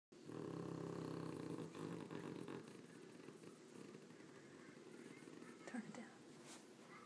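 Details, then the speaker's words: Pug sleeping hard: loud rumbling, snorting snores fading into softer noisy breathing as the dog wakes; snoring. "Hi. You're awake. You can stop snoring now, buddy."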